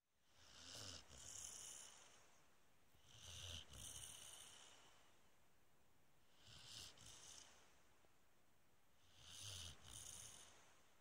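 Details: Sleeping Springer Spaniel dog snoring loudly: rattling snores, about four in eleven seconds, some with a snorting catch; ordinary dog snoring.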